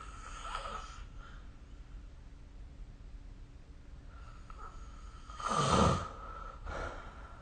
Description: This is the sound of snoring recorded using SnoreLab : Record Your Snoring